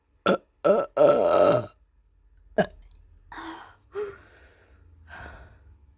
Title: What's wrong with my burps..